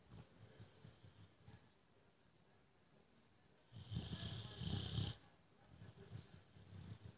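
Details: A boxer dog snoring in his sleep; he snores every day.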